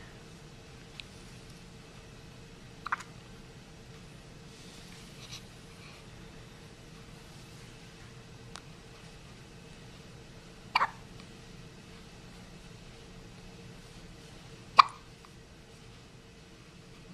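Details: Newborn baby boy on the day he was born, recorded with a Flip Video camcorder: a few sharp, brief catch sounds spaced several seconds apart in a quiet room; hiccups.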